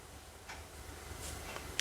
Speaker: I I'm sure you just heard my knee crack. I'm so sorry. I unfortunately can't edit that out either, so you will just have to hear that very crisp sound of my knee cracking.